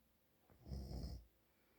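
A single low, rattling snore lasting about half a second during sleep, in a quiet room.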